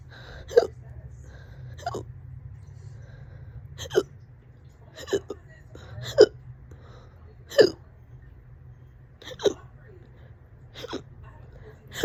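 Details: Sharp, loud hiccups about 43 a minute at uneven intervals with quiet between; person reports about 30 minutes of hiccups, on and off all day: persistent hiccups.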